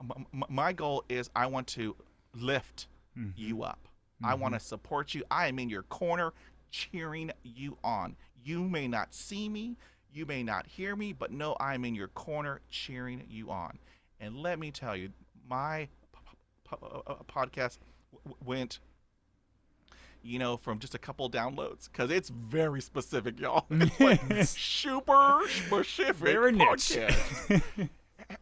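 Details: Adult man who has stuttered since childhood, describing about 80% fluency with blocks and repetitions after 20 years of speech therapy; stuttering.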